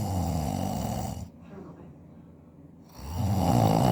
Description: Recording my husband snoring, who believes he sleeps like an angel lol